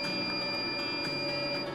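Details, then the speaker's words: Fractional CO2 laser with 60 W metal tube, set to scan twice on the same area: steady electronic tones with rapid soft ticking as it scans its pattern; fractional CO2 laser scanning. "Then second. Now it will scan two time on the same area"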